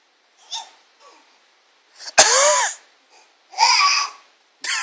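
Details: Child coughing: a few short, harsh coughs with squeaky intakes between them.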